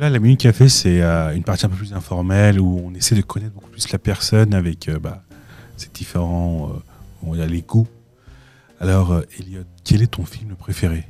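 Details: Adult man speaking French; ordinary speech.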